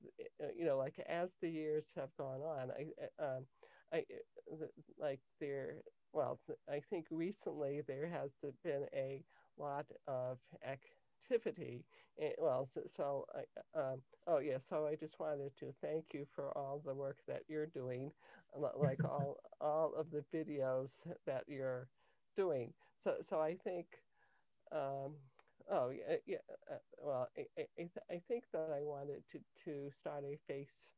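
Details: Cluttering in an adult woman, onset in early childhood; language-area speech problem diagnosed at age 10, later identified as cluttering by her speech therapist; trouble organizing thoughts while speaking.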